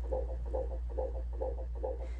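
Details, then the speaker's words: Fetal heart on a Doppler monitor during labor-and-delivery admission: rapid, regular whooshing at about 140 a minute, a baseline near 140, rising in an acceleration then returning to baseline. This is a reassuring fetal heart rate acceleration. "was an example of an acceleration. You can see we're back down to baseline. And we had an acceleration that showed us that the baby could get more oxygen if it needed it."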